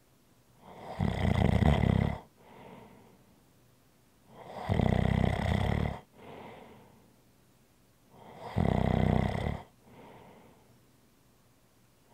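Loud rattling snores on each breath in, with softer breaths out, about five breaths a minute; snoring.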